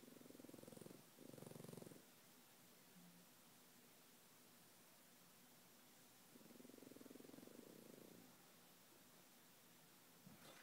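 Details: A sleeping French Bulldog snoring at night: two slow, rumbling snores several seconds apart over steady room hiss.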